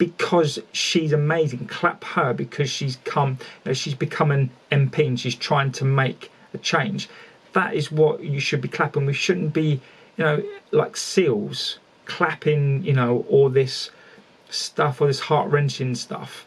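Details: Male speaker who calls himself one of the people who stammer, showing repetitions of words. The finding is real stuttering (stammering).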